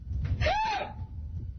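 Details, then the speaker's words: Woman with persistent hiccups since June 2006, with right arm shaking that doctors think may be related: a single loud, abrupt gulping cry with rising-then-falling squeal, far wilder than an ordinary hiccup. "listen, these hiccups sound like JD. The hiccups sound like JD. It's like... Oh, yeah? Yeah, it's a pretty wild noise."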